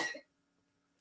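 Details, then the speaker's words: Daughter (child) who has been coughing a lot gives one brief cough burst, then near silence with a faint steady background hum: cough. "I'm gonna put up a song because as you can hear the daughter's coughing a lot and I don't want to be talking while she's coughing right because it won't be fair right"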